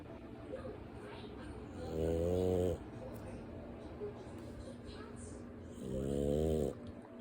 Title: Sleeping on his back with his eyes open while snoring